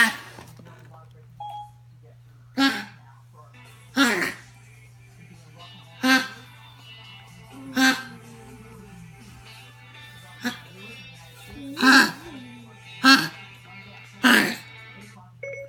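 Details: Dog with worsening cough, about eight loud, harsh, honking coughs; fits last up to 45 minutes, disturb sleep, reduced eating; vet discussed possible heart disease, unconfirmed; owner describes heart failure.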